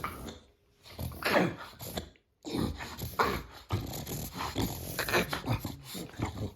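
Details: Female American Micro Bully dog having a reverse sneezing episode: a run of harsh, snorting breaths drawn in through the nose. The owner first feared a seizure.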